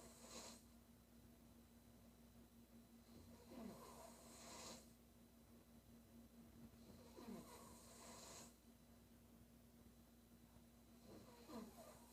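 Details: Female sleeper snoring: rough snores with breathy exhalations, about 14 breaths a minute, over a faint steady hum.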